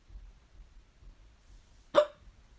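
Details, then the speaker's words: Person with persistent hiccups that won't stop: a single sharp, abrupt hiccup sound in a quiet room. "I got the hiccups. I got the hiccups. My hiccups won't stop."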